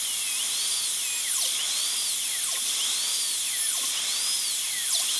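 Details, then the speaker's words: High-speed dental drill whine dipping with each short cut, during a full zirconia crown prep on tooth #3 (maxillary molar): small functional cusp bevel guide cuts along the lingual groove and distolingual area. "I'm staying now in the lingual groove and this is guide cuts for the functional cusps bevel"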